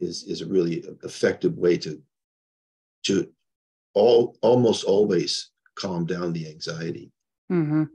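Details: Adult man with progressing Parkinson's disease who reports mild stuttering, losing his words and impaired balance; disfluent speech with word-finding pauses in Parkinson's disease.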